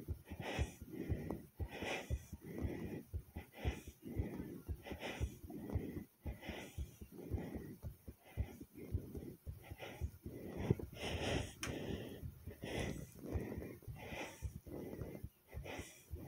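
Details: Self-recorded fast, forceful heartbeat thumps with loud rushing breaths; rate goes from fast to slow, still pumping hard, with possible skipped beats; rapid heartbeat with audible breathing.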